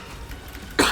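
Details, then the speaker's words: A single abrupt dry cough burst from a speaker with a strained, hoarse voice, cut off at the end; cough. "I'm trying. I'm dead. I was trying to cough there. Okay, my voice is just like kicked the dust."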